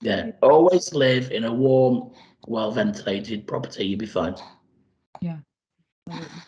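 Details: Adult man after total laryngectomy speaking with a voice prosthesis, last changed about 10 days earlier; tracheoesophageal speech after total laryngectomy.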